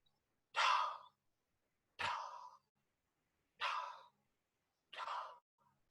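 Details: Vocal imitation of the early diastolic murmur of aortic regurgitation, heard best from the aortic area to the mid left sternal edge with the patient sitting forward, breath held in expiration: four soft, breathy, fading blowing sounds.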